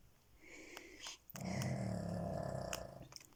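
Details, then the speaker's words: Dog asleep at home, not coming to greet its owner: a soft snuffle, then one long rough snore on a breath; snoring in a sleeping dog. "Я пришла домой, а собака меня не встречает, она спит. [смех] Да, ума, ты дрыхнешь, храпишь. Ты храпишь."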